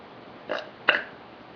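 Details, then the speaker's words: Burping contest: two short, rough belches in quick succession; ordinary burping. "Okay, we're gonna have a burping contest."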